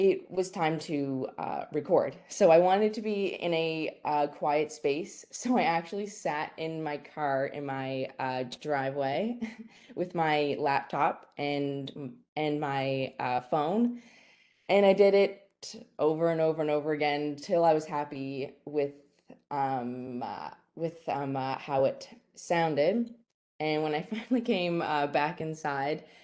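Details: Stuttering in a young woman, a fourth-year university student who has stuttered since grade three.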